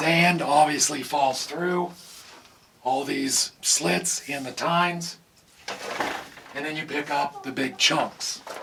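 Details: Adult man with vocal cord paralysis from surgical nerve damage in the throat, possibly temporary, making talking hard; vocal cord paralysis.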